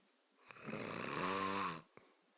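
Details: Sleeping person: a single harsh rattling snore on an in-breath, about 1.5 seconds, in a quiet room; snoring loud enough to keep another person awake.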